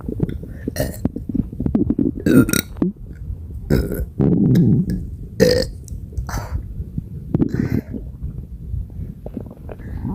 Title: Badly bloated non-stop burps for 6 minutes 💓💓💓